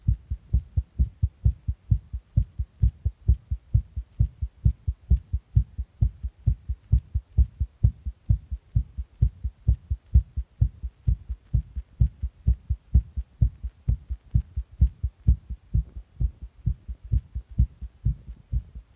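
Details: Heartbeat after taking stimulants: steady, regular low thumps at about 130 a minute, a rapid heartbeat.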